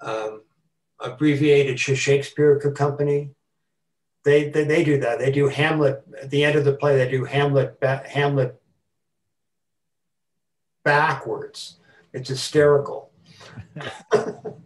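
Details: Adult man who stutters, a retired teacher and longtime stuttering support-group leader, speaking at a forum about his own stuttering; stuttering.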